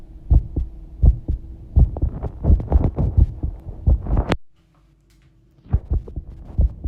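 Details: Regular low heart thumps at roughly 80 beats per minute, heart sounds recorded while bathing, with low background hum and water noise; heart rate shown is only an approximate guide; normal heart sounds.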